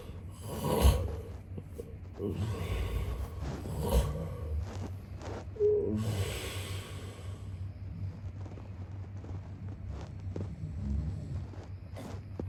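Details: An adult man snoring during sleep, with low rumbling snores and snorting bursts.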